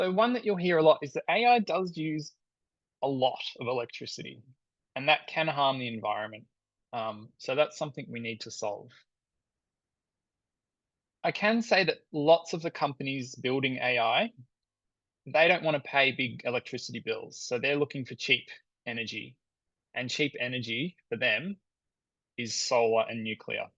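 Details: Adult speaker; normal speech.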